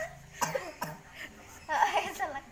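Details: Several short dry coughs mixed with blowing and chatter in a small room, from repeatedly blowing out candles; plain coughing.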